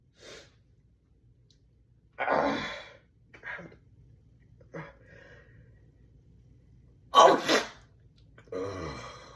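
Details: A few soft breaths and catches while the person tries to hold back a tickling sneeze, then one sharp, explosive sneeze.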